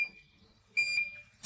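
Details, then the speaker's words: High steady beeping tone of a Soga diode dental laser firing at 2 watts during demonstration soft-tissue cutting at 2 mm per second, with repeated passes deepening the cut; normal activation signal. "At the same speed as I told you, I start cutting at 2 millimeters per second. I come to the end of the cutting length. Now I come back again and repeat the same cut at the same length."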